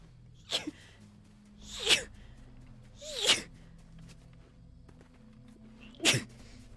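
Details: Sneezing from a female streamer: four sharp, explosive sneezes over about six seconds, some with a brief voiced onset, with faint background noise.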